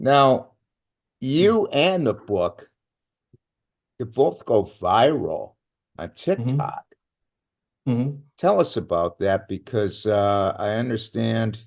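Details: Adult male speaker; Plain speech.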